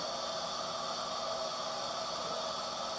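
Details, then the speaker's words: Steady, even rushing hiss of heated, humidified gas in a high-flow nasal cannula circuit with an oxygen blender on a 50 psi source. The gas is now fully flowing, just before the patient interface is connected. "Give it some time to set there. So it's really flowing now."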